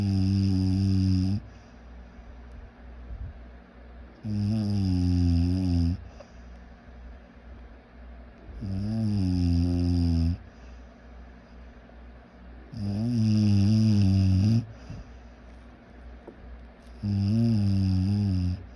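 Loud, rough, low-pitched snores come with each breath in, roughly 14 a minute, with quiet breathing between them. Plain snoring.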